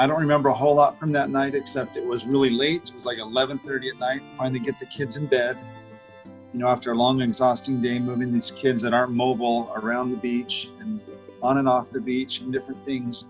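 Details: Adult man; Normal adult speech.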